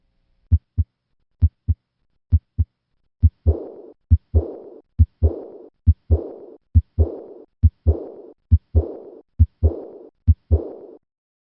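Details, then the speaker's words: Stage B moderate aortic regurgitation: regular heartbeat near 68 a minute with a soft, high-pitched, decrescendo blowing diastolic murmur after the second sound along the left sternal border. "Listen to a patient in Stage B with moderate aortic regurgitation."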